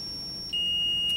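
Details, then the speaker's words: Steady high electronic tone that steps up in pitch partway through as a Zoll R Series defibrillator charges to 30 joules for a self-test shock delivered into the machine through the therapy cable during training. "deliver that 30j uh charge right into the machine itself so you'll just turn this to defib we're going to select the energy down to 30 jewles"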